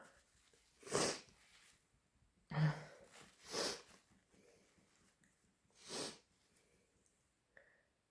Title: Really intense induced sneezing fit